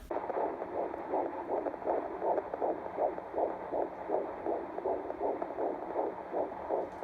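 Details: Fetal heartbeat on Doppler in the first trimester: rapid, regular whooshing pulses, about 159–160 beats per minute, reported as doing well.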